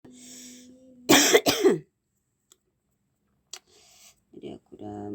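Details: Two short, forceful coughs in quick succession from a person who is starting to come down with a cough and cold, followed by quiet and then faint voice or music.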